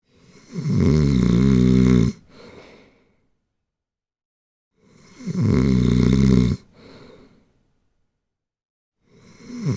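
Loud, rattling inhaled snores, each about a second and a half, followed by a soft exhale, repeating roughly every four to five seconds.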